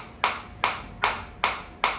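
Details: Focused (not radial) ESWT shockwave therapy applicator firing at increasing intensity as frequency auto-drops from 180 to about 150 per minute: sharp, evenly spaced snapping pulses.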